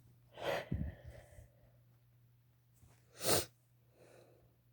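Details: Sneezing induced with chhinkni snuff: two forceful, wet-sounding sneezes, each preceded by a quick breath in, in a quiet room.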